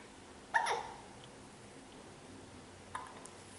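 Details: Hiccups during a tough bout in a young child: two abrupt, short gulping sounds a few seconds apart in a quiet room.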